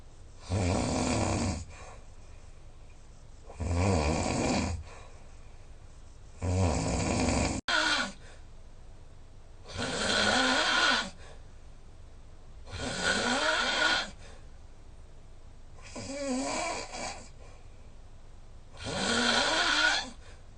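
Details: Heavy habitual snoring recorded overnight with a snoring app (about 6 h sleep, snoring about 84% of the time, score 145): loud harsh snores on each breath, roughly 20 a minute, with quiet breathing between.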